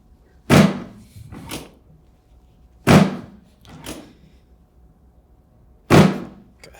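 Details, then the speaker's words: Chiropractic drop-table hip adjustment for a woman with hip pain and neck stiffness: three loud thuds about three seconds apart, each followed by a softer knock, as the table section drops. "okay we're gonna do a couple drops of the table here so the table is going to come up and it's going to fall down like that a couple times it's going to help me use gravity to adjust this hit"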